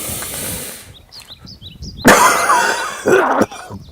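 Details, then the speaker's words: Acted demonstration of cough CPR for a heart attack, alternating deep breaths and coughs every two seconds: a sharp in-breath, then two strong deliberate coughs. "what will happen is in the process of your coughing your chest will constrict and in the process of this constriction it will massage your heart so alternate breathing and coughing and keep doing that every two seconds like so"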